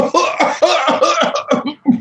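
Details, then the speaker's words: Herbalist imitating paroxysmal coughing, a cough that can't be stopped: a run of rapid, back-to-back coughs without pause. "You have paroxysmal coughing. That's when you can't stop, which is a little bit overlapping with that last one, but it's like"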